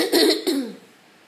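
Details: Adult with cystic fibrosis on night 17 of a hospital stay, feeling quite a bit better; two short, harsh cough bursts in a quiet room.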